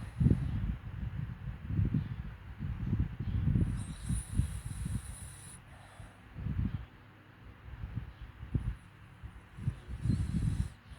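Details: Dachshund sleeping on a sofa, snoring.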